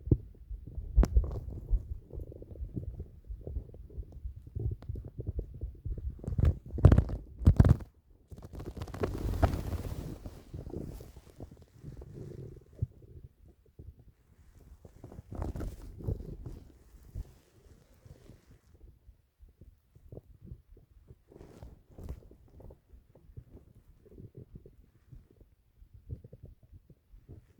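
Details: Irregular low gurgles and rumbles from an adult stomach with a few louder bursts; ordinary digestive bowel sounds, stomach rumbling from an older recording.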